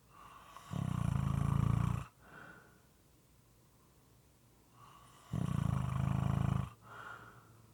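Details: Moist and sometimes irregular snoring: two loud, low, rattling snores on breathing in, each followed by a softer breath out, roughly 13 breaths a minute.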